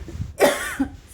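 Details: Cough of an adult sick with COVID-19 while talking.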